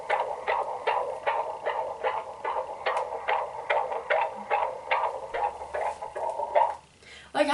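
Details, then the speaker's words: Fetal heartbeat at 28 weeks of pregnancy, recorded during a 4D ultrasound for a heartbeat bear: rapid, regular whooshing Doppler pulses, about 150 a minute, through a small speaker. "and i also opted to get a heartbeat bear as literally his heartbeat recorded can you hear that"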